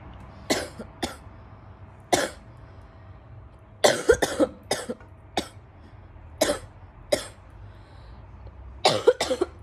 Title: Girl bronchitis coughing